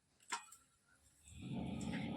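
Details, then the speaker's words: A sleeping adult snoring in the background of a home cooking vlog: a low, rough rumble builds in the last second as one snore begins. "আর একজন নাক ডাকছে শুনতে পাচ্ছ ওই দেখো"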